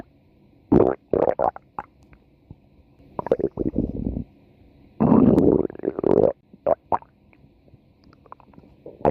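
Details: Female: several loud gurgling, rumbling bursts with quiet gaps; stomach growling, ordinary bowel sounds.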